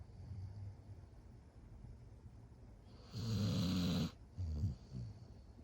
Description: Not me catching Dabs snoring like a grown man 😭😂